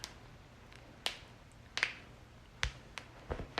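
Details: Knuckle cracking, a series of about five or six sharp, irregular pops from fingers being cracked, in a chiropractic joint-cracking compilation; a common harmless joint noise.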